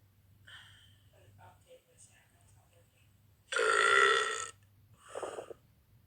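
One long, loud, rough belch with a shorter second one after it, over quiet room noise; a voluntary burp.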